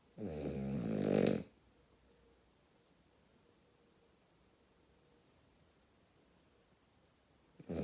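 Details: Female dog sleeping and snoring very loudly: one loud, rattling snore on an in-breath, then a long quiet pause before the next begins.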